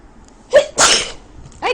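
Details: Woman with a very bad cold who cannot breathe through her nose: a sharp in-breath, then one forceful, hissing sneeze and the start of another breath. Sneezing.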